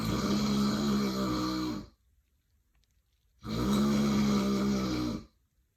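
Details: Woman snoring heavily during sleep: two long, loud, rattling snores separated by a quiet pause.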